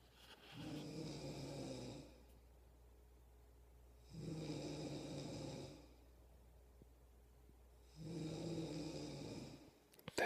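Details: Pregnant wife asleep, snoring: steady rhythmic snoring with a rough buzzing on each breath in, about 16 breaths a minute.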